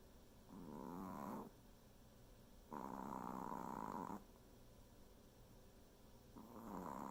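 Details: Dog snoring: quiet, rough, purring snores about a second long, repeating every few seconds in steady sleep breathing; both of the owners' dogs snore.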